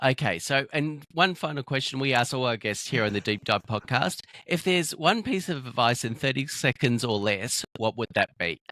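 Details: Adult male speaker; Typical speech.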